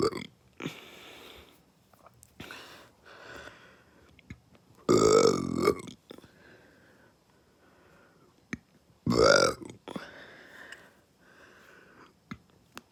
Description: Violent burps caused by fast food. Enjoy 🙂